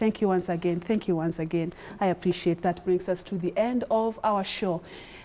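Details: Adult woman; fluent speech.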